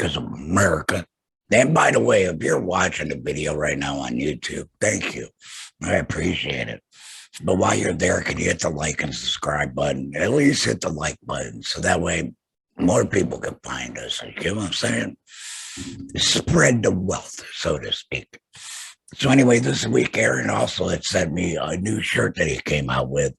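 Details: Tracheoesophageal speech via TEP in an adult man after total laryngectomy for throat cancer; has a stoma with HME, no vocal cords.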